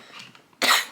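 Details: A single harsh, breathy cough burst after a short quiet stretch, from an adult inhaling cannabis smoke while doing makeup; irritant cough.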